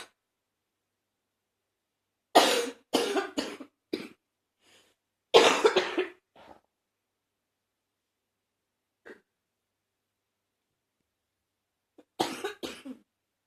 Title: #75 a Lil congested cough